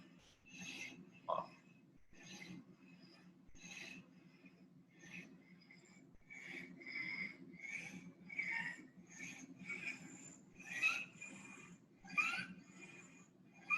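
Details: Pediatric cardio-respiratory semiology lecture on stridor and laryngitis: a child's rapid breaths each carry a faint, high-pitched harsh noise on breathing in, over a low room hum. Mild inspiratory stridor.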